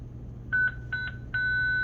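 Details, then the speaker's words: Hospital staff defibrillator training on synchronized cardioversion, Stryker/Zoll units: short electronic beeps, then a steady high tone as the device charges before the call to clear and press the lightning-bolt shock button. Defibrillator charging tone. "and then we can go ahead and charge clear everybody out of the way and hit the red lightning bolt button"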